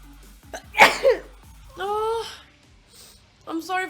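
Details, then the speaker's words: Spontaneous high-pitched sneeze during a livestream: one sharp, high-pitched sneeze followed by short voiced exclamations, faint background sound. "Oh, damn. Oh. Cool. Oh, I got to sneeze again."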